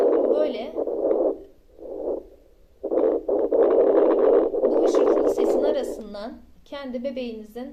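Rustling, hissing bursts from a fetal Doppler with no heartbeat present, the background noise the device makes.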